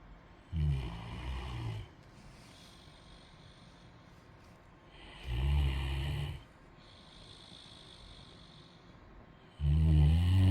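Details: Three deep, rumbling snores about four seconds apart, roughly 14 a minute, with quiet breathing between; ordinary snoring.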